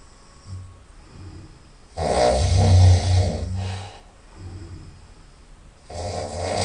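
Loud, deep, rumbling snores, one long and strong, between softer snoring breaths with a nasal quality. Very loud snoring.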